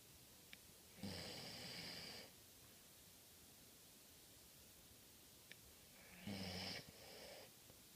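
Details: Two harsh, rattling snores about five seconds apart over steady room hiss, each lasting about a second; snoring recorded 11/9/14.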